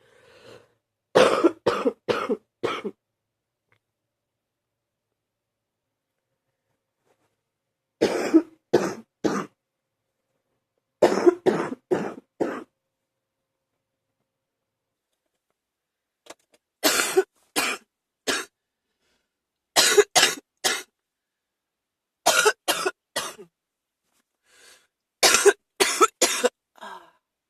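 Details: Repeated cough fits in bursts of four or five, with quiet pauses between them, in an unwell adult on waking; cough.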